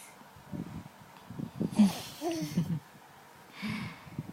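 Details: A young girl has hiccups at night, and drinking water is suggested to make them stop.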